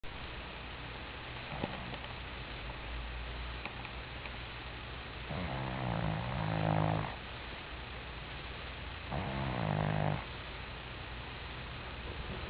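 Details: Cat sleeping: two soft, low rattling snores against steady room noise; ordinary harmless snoring.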